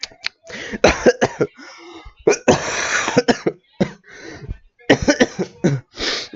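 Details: Repeated harsh, explosive coughs in quick bursts with brief throat-clearing between them, in a small room; a long run of deliberate, acted coughing recorded as a coughing compilation.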